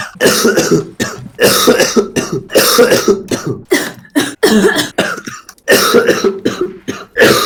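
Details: Adult male (Mister D) with a persistent evening cough and self-reported severe discomfort when coughing: loud, harsh, repeated coughing in close bursts of about eight to ten coughs with brief breaths between; a persistent coughing spell.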